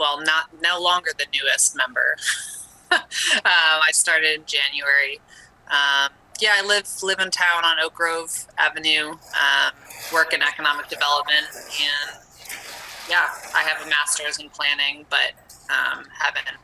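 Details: Adult woman speaking; normal speech.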